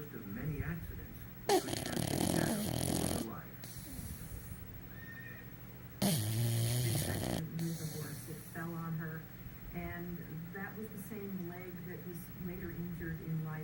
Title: Bulldog pup snoring